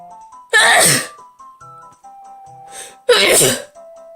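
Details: Two loud, sharp sneezes a few seconds apart over background music, from an allergy-prone person during a 30-second sneezing fit; sneezing.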